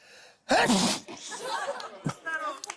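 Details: Sneeze acted for comic effect by a TV show host: one loud, explosive sneeze followed by murmured voices and light laughter; acted sneeze.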